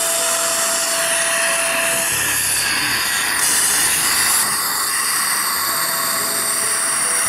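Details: Steady high-pitched whine with hissing irrigation from the first 2.0 mm drill during a guided flapless All-on-4 implant osteotomy on a maxilla model with a surgical guide and angulated implants: dental implant drill.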